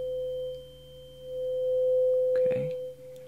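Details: Tuning fork struck and held beside each ear for a hearing check during a simulated (role-play) cranial nerve examination: steady pure ringing tone, sustained and fading slightly, with a brief rustle near the end.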